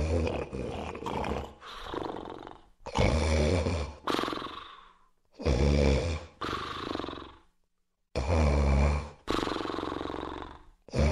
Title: Animation - Obstructive Sleep Apnoea (Snoring)